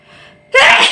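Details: Sneezing challenge: a quiet breath in, then a single sudden, loud, hissing sneeze.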